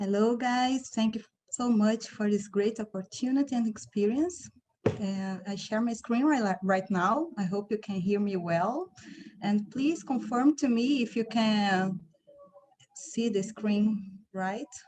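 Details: Adult woman speaking; normal speech.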